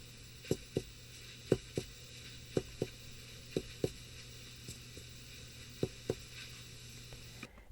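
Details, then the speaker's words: Dullness to percussion over the right lower lung, where crackles and decreased breath sounds were also heard in a teaching case: paired short, flat taps with little ringing, suggesting consolidation beneath. "appreciate dullness to percussion again in that right lower lobe or that right lower lung space"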